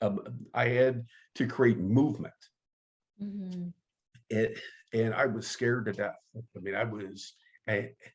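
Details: Stuttering in an adult man who identifies as a person who stutters and has been active in the stuttering support community for over 25 years.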